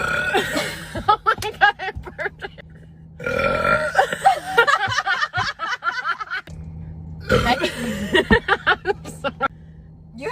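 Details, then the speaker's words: Girl burping loudly on purpose in a burping challenge: repeated loud, long belches in quick runs, with laughter around them. "I have so many burps in me anyways cheers we challenge you"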